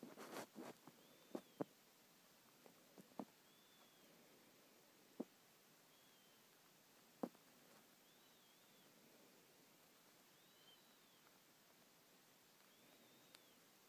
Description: wheezes while sleeping